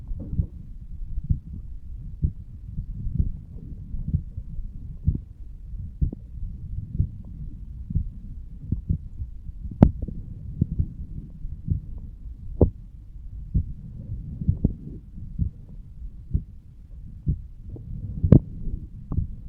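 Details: 35-year-old male lying on his side, self-recorded over the aortic valve area: regular, steady heartbeats about 65 a minute with low rushing flow between beats.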